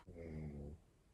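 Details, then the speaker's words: Snoring during a nap nearby, heard faintly in the background of a room recording. "rufus is now having a little snore which you can probably hear he's down here having a snooze"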